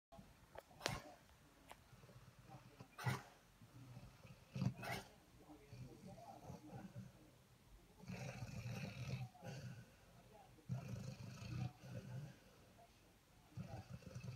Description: Here is my lively hound dreaming and snoring!